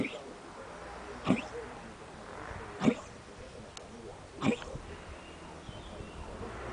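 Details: Cat's racking cough: three short, forceful hacking bursts about 1.5 seconds apart over low room noise.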